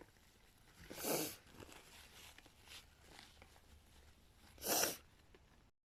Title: sneezing fit with nose blowing!